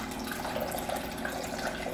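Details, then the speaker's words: Ear irrigation with an irrigator to flush out heavy ear wax, started at low pressure, in an adult who reports poor hearing: steady rushing, splashing water in a small room. "e now this is just going to gently flush the wax out of your ear I'm going to start out slow but depending on how difficult it is to come out we may need to apply a little bit more pressure"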